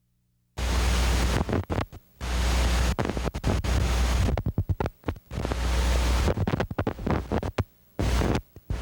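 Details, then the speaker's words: Needle EMG normal insertion activity: bursts of crackling static with brief sharp clicks, each dying away promptly when needle movement stops. "Watch and listen to normal insertion activity."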